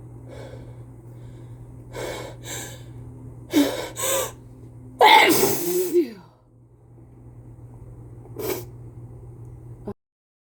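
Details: Several catching in-breaths build to one loud, explosive, wet sneeze, then a short sniff, from a person with a cold sneezing onto a pane of glass.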